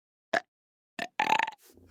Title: Burping guys pt 4